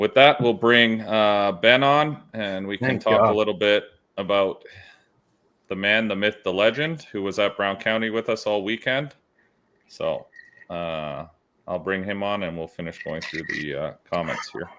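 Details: Adult man speaking; normal voice.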